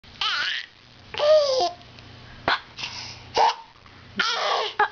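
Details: Baby laughing and babbling while having hiccups, with short, sharp catches in the voice between laughs.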